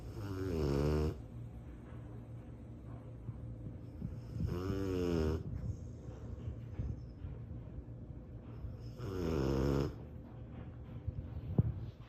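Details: One-year-old Cane Corso (mastiff) dog asleep: deep, rattling snores on each breath in, about 14 a minute, with quiet pauses between; dog snoring.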